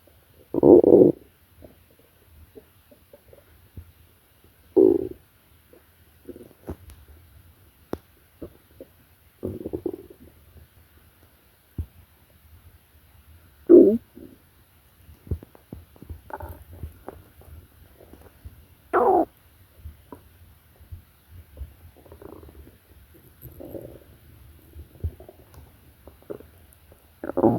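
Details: Stomach growling in a sleeping person (Mary): irregular gurgling and rumbling bursts from the abdomen, normal bowel sounds from gut movement.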